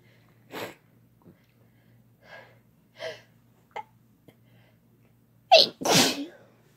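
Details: Man and woman sneezing and blessing each other; a series of sharp sneezes, the last two close together, in a quiet room, with "bless you" and "thank you" exchanged.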